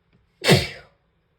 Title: Wet sneezes